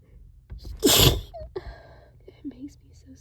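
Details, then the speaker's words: One loud, wet sneeze with a sharp inward gasp before it, then quieter breaths and soft voice, during an allergic sneezing fit triggered by cleaning a trap; allergic sneeze. "Can't stop sneezing. Oh, that was so loud. This always happens whenever whenever I clean the trap."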